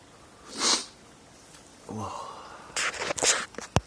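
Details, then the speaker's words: Person with daily uncontrollable sneezing (5–50 times a day since 2011), doctor-diagnosed allergies to dust, pollen and trees: sharp inhaled build-up, then a burst sneeze and a brief exclamation; allergic sneezing. "And that's your daily sneeze."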